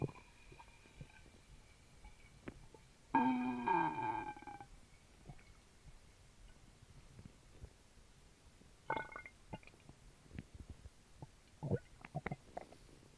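Soft gurgles and scattered pops and clicks from the abdomen after drinking a fizzy soda, ordinary stomach noises.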